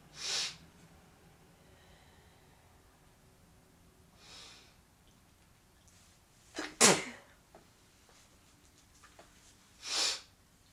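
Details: Repeated sneezing after a gym workout, the person unsure of a possible allergy (dander, pollen, grass): three or four sneezes a few seconds apart in a quiet room with breathy sniffing between.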